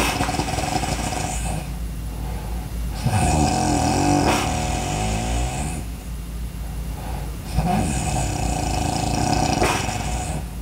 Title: Breathing Loud Sounds snoring Sounds good for studying #entertainment #viral #video